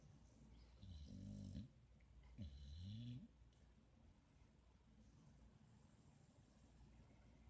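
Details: Pit bull sleeping on a couch with eyes open and tongue out, giving two loud, rough, rumbling snores over steady room hum, then quieter breathing; ordinary snoring.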